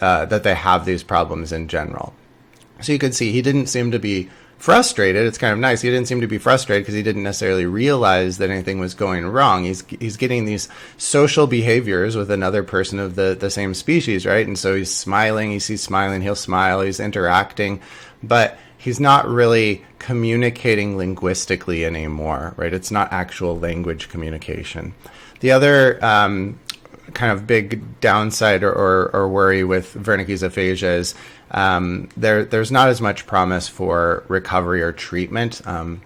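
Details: Adult male lecturer; normal speech.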